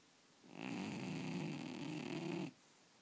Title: Funny cat snoring while dreaming